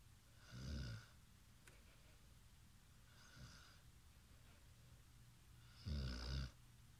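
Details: Low, rough, rattling breaths recurring every few seconds in a quiet room, about three in seven seconds; snoring.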